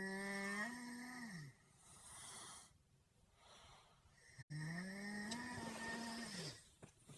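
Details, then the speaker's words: Sleeping woman snoring: two long, tonal, whistling snores on the in-breath, each ending in a falling pitch, with quiet breathing between them. "Babe? Are you gonna stop snoring? Mm. Are you gonna do it soon then? Before I kill you? Yeah."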